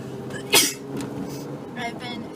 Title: Sneezing while driving!